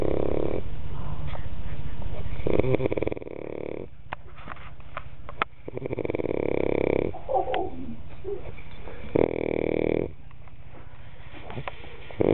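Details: Snoring: low, rough rattling breaths recurring in slow cycles, about four in twelve seconds.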